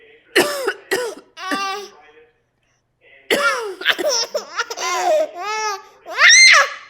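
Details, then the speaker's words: Mother gives two short deliberate coughs to amuse a baby, followed by bursts of high-pitched baby laughter and playful adult sounds; voluntary cough. "That's funny? Mommy coughing?"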